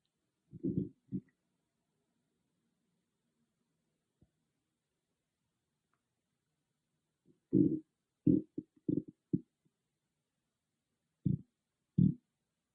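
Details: Loud stomach growling (borborygmi) recorded on an iPhone without an ASMR microphone: low gurgling rumbles in short clusters with long quiet gaps.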